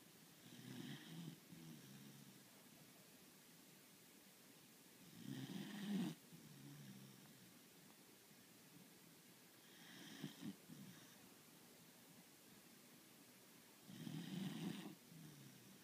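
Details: Beagle named Lily, a heavy snorer, snoring: low rattling snores about every four to five seconds, each with a breathy hiss, in a quiet room; ordinary snoring.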